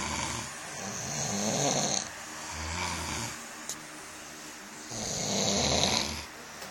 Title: Best snore battle Ever!!!!!